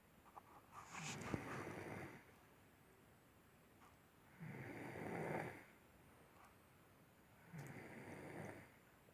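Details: Snoring during sleep: three rough, rattling snoring breaths about every three seconds with quiet pauses between, about 20 breaths a minute.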